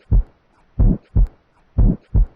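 Low, drawn-out heart sounds in pairs at about 60 beats a minute, with a soft blowing quality: a blowing murmur.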